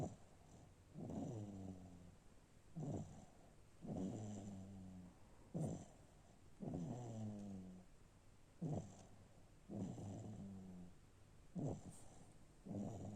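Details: Infant snoring: regular rumbling, fluttering snores on each breath, about 20 a minute, with quiet gaps between.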